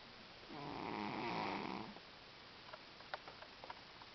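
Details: Sleeping cat: a single soft, buzzing snore on a breath in, followed by faint clicks: snoring.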